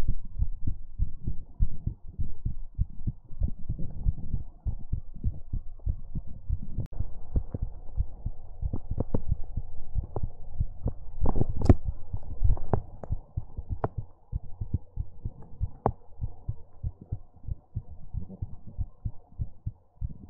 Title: ASMR Heartbeat Sounds and More | Heartbeat ASMR #45